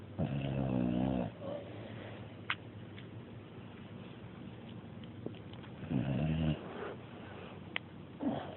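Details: Low fluttering snores on in-breaths, roughly every five to six seconds, in a quiet room; snoring during sleep.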